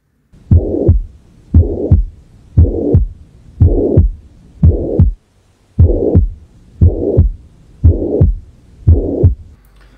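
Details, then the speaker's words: Mitral regurgitation murmur, in the context of acute rheumatic fever with carditis: regular heartbeat near 58 per minute with a continuous blowing holosystolic murmur filling systole between S1 and S2. "a continuación vamos a escuchar el soplo de la insuficiencia mitral vamos a dar unos 10 segundos mientras se reproduce"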